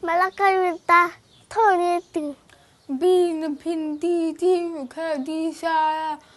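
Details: Speech of a deaf child taught to speak through speech therapy, beginning to recite a poem; hearing loss.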